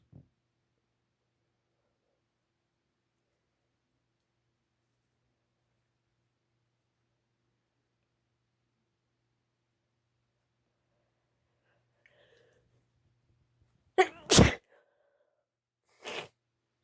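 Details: Female: after a long quiet stretch, one sharp, forceful sneeze followed by a shorter burst of air.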